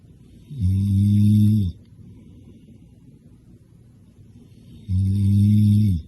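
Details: Tired middle-aged man snoring: two loud, low, buzzing snores about four seconds apart, separated by quiet exhalation pauses.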